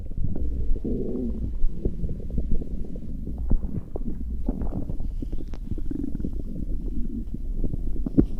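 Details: Continuous low gurgling and rumbling with bubbling pops: stomach growling from gas and fluid moving through the gut, ordinary bowel sounds (borborygmi).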